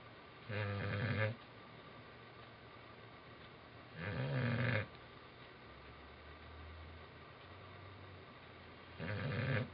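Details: Old English Bulldog asleep: deep, rattling snores about every four seconds, roughly 17 a minute, over a steady room hum; ordinary snoring.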